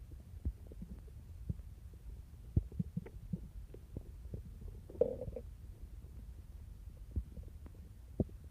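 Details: Boy and girl's stomach growling: low, uneven rumbling with scattered soft pops and a brief bubbling gurgle midway; borborygmi.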